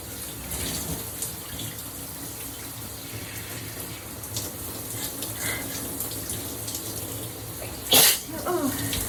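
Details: A person who has been sneezing repeatedly sneezes in the shower: steady rushing water throughout, then one loud, sharp sneeze near the end, followed by a brief voiced sound; an ordinary sneeze.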